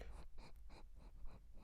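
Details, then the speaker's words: Pug named Shiloh snorting into the microphone during a podcast: rapid, rhythmic snuffling snorts over a low room hum. "you hear that that's a weird Pug talking on the on the mic yes so she's a good she's a good girl love the weird Pug"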